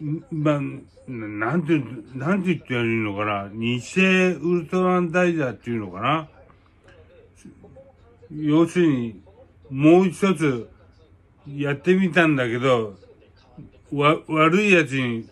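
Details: Aphasia with hemiplegia after a cerebral hemorrhage (stroke); repeated non-words and filler hesitations.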